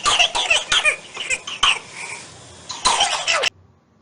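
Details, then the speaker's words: Infant with pertussis (whooping cough): a run of rapid, harsh coughs, a strained pause, then another burst. These are paroxysmal coughing fits followed by an inspiratory whoop or stridor. "Entonces, como pudimos ver en el video, son accesos de tos seguido de un gallo o un estridor inspiratorio, que va a causar incomodidad realmente en el lactante."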